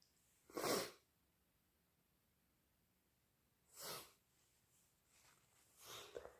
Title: Strong, loud induced sneezes plus blows